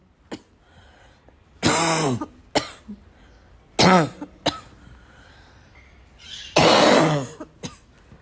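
Several loud, harsh coughs with throat clearing in between, coming in repeated fits in a quiet room: persistent coughing.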